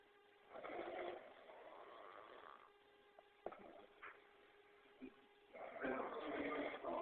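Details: Man who denies snoring, recorded asleep: two long, rough breathing noises with a quiet pause between, the breathy rattle of snoring, over a faint steady room hum.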